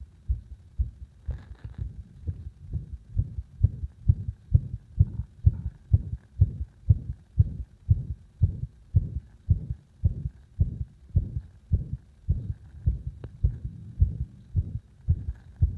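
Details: Strong low heart thumps about 100 a minute with uneven gaps between some beats; arrhythmia induced by gradually increasing pressure on the heart.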